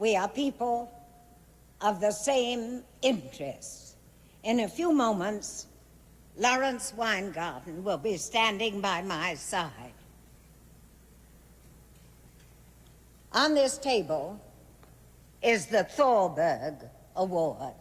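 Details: An actress who had essential tremor; subtle vibration in her voice, especially on held words, kept under practiced control; vocal tremor (essential tremor).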